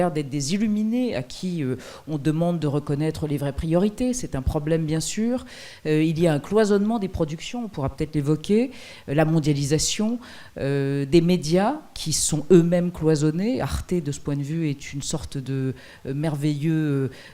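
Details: Adult speaker; normal voice.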